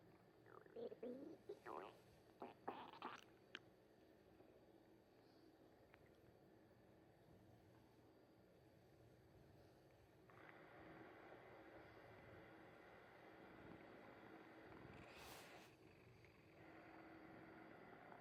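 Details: Soft gurgles and rumbles for a few seconds, then quiet room noise; labelled as a tabby's stomach noise: ordinary bowel sounds, stomach rumbling.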